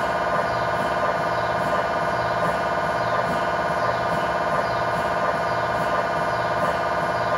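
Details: Steady loud rhythmic electronic droning and chirping without break, recorded inside the scan room during a tibia/fibula MRI sequence with a GE high-definition lower-leg coil (stated as 16 or 8 channel), test scan; normal MRI scanner noise.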